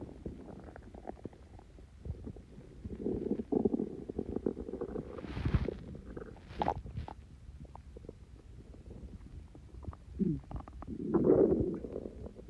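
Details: Stomach growls after Coke and Mentos: soft low gurgles and rumbling squeaks coming and going irregularly; borborygmi.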